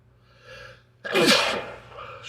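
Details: Adult man chugging beer and eating a pickle, soft breathy intake then one forceful explosive sneeze and faint exhale, during a sneeze attack; sneeze.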